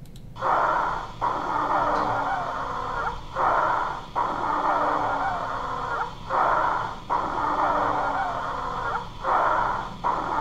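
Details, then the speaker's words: Repeated breaths at about 20 a minute with long, high-pitched whistling tones on each expiration, from turbulent airflow through narrowed small airways; wheezing. "so airflow through a narrowed or compressed of a small airways becomes turbulent causing vibration of airway walls this vibration produces the sound of wheezing"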